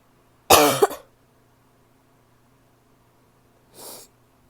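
A single harsh, explosive cough with a barky edge, followed by a softer breath.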